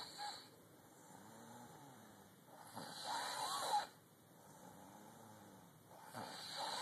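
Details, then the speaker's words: A woman asleep, snoring softly and breathily with slow breath cycles about three seconds apart, under background noise. "else as evidence that your black ass snores all night long."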